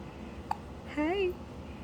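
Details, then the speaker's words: One brief, sharp hiccup from a 5-month-old baby girl, then a soft infant coo in a quiet room; hiccups. "You do have hiccups. You do. Yeah. Oh, there's another one."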